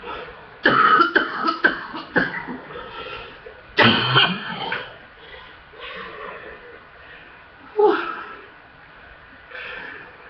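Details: Person with a full chest in harsh, rough bursts of hard coughing with throat clearing; a chesty coughing fit from chest congestion.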